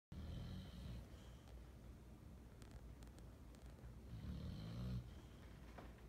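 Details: Two low, rumbling snores on breathing in, about four seconds apart, with quieter breathing between them; ordinary snoring from a sleeping dog named Taz.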